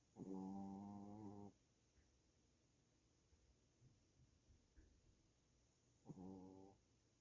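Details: Pet snoring in sleep: two long, soft droning snores on the breath about five seconds apart against quiet room noise.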